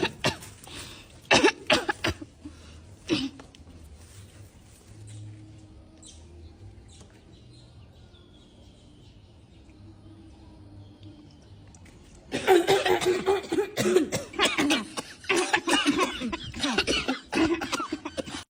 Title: Cough #jrsharing